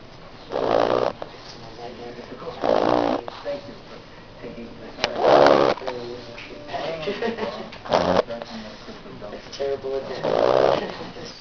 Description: my aunts pug snoring on my lap... quite funny